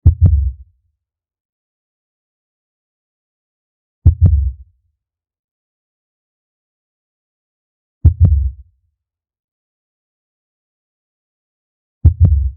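Very slow, deep double thumps recur every four seconds, about 15 beats a minute: a blue whale's normal heartbeat.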